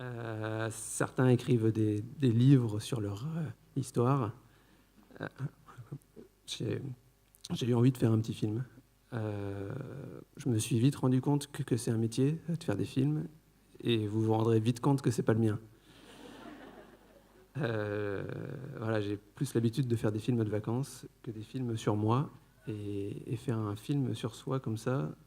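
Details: Adult man who stutters, speaking French at a stuttering colloquium; stuttering.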